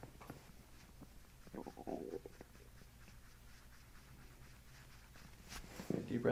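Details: Chiropractic abdominal treatment, patient taking deep belly breaths, pushing the belly out, and asked about tenderness: soft bubbling gut gurgles over quiet room noise; borborygmi.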